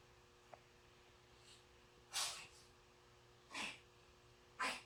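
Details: A duck sneezing: three short, sharp, hissing bursts over a few seconds in a quiet room.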